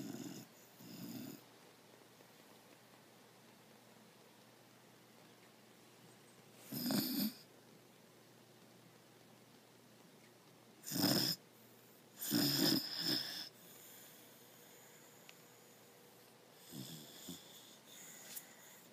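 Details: Dog asleep on a couch in a funny position, occasional short noisy snorting breaths separated by long quiet gaps, soft room hiss; intermittent snoring.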